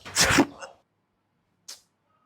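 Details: Repeated sneezing in a comedy skit, with one person sneezing again and again while others count the sneezes.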